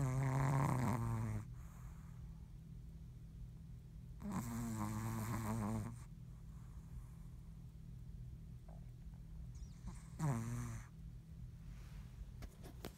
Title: Snoring